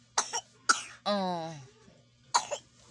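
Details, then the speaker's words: Three short coughs with a brief cry or whimper between them from a baby who is sick again with a cough and runny nose (cold) but still playing; infant cough. "oh may ubo na naman yung baby namin mga kaibigan"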